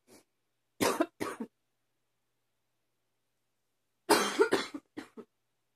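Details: A person whose allergies are becoming more frequent for unknown reasons: two bouts of short, harsh coughs separated by a quiet pause, about six or seven coughs in all; a repeated cough.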